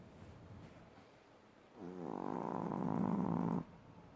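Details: Sleeping Chihuahua snoring loudly: a rattling snore on inspiration lasting nearly two seconds.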